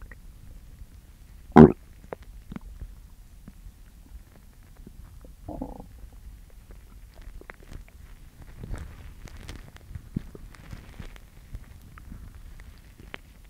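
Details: Girl with an upset stomach: soft gurgles and short rumbling bursts from the belly with one sharp pop; stomach growling (borborygmi).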